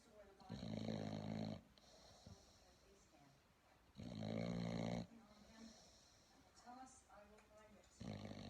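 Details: Bulldog puppy snoring in sleep, though he does not always snore: loud, rough, low-pitched snores in three long inhalation bursts with quieter breathing between them.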